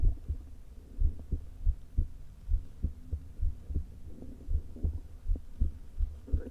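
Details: Woman's heart recorded through a low-placed stethoscope: dull thumps with uneven spacing and faint rumbling, an irregularly irregular rhythm. Atrial fibrillation with a leaking heart valve, before open heart surgery.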